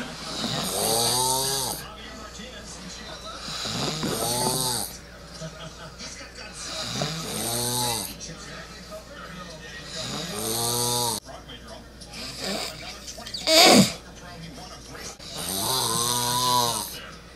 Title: Asian Girl Snoring 2